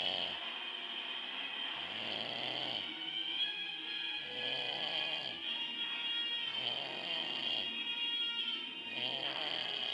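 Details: Dad snoring during sleep: rhythmic low rattling snores roughly every two seconds over steady background noise that sounds like music.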